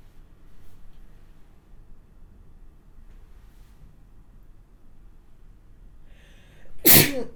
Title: spray sneezing (Sample, 4K Quality)